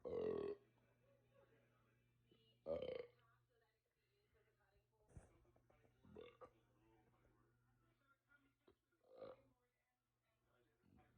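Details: Burping session while not feeling well: two loud, drawn-out belches, then softer ones at irregular intervals with faint talk in between; repeated burping.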